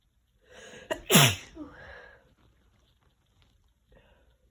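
A short catching breath, then one forceful, wet-sounding sneeze and a brief sniffle afterwards; a sneeze with a head cold.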